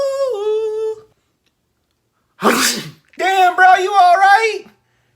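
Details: Acted comedic sneeze in a skit with repeated "bless you": a hummed tone, then a single loud explosive sneeze followed by voiced hooting.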